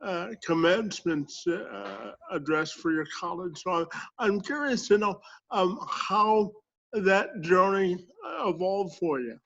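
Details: Adult speaker; Normal speech.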